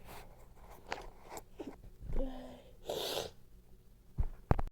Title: nose blowing, itching and congestion sneezes #sneeze #sneezing